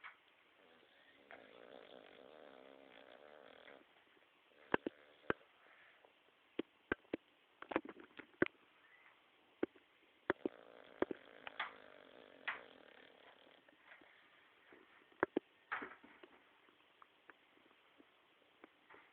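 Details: White Staffie dog snoring while awake: soft rattling, snore-like breaths broken by many sharp clicks and sniffs; noisy snoring-type breathing.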